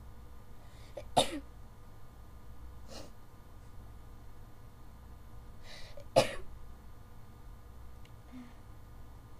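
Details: Two sharp, explosive sneezes about five seconds apart, with soft breaths between them; a sneezing fit the person attributes to bad allergies.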